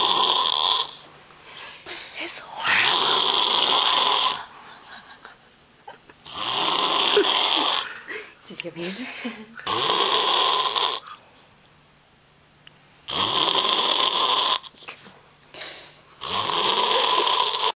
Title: Bro Snore